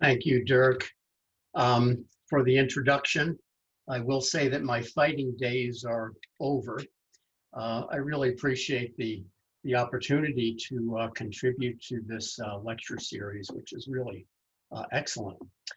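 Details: Adult male lecturer; typical speech.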